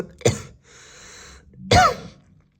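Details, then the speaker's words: Person deliberately coughs onto a spoon on camera: two short, sharp coughs with a faint hiss between them. A voluntary cough rather than illness. "прямо сейчас сию минуту я буду кашлять на ложку"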